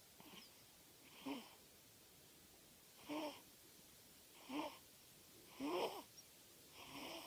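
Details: Snoring during sleep, likened to an old man's: irregular rasping, slightly whistling breaths about every one to two seconds.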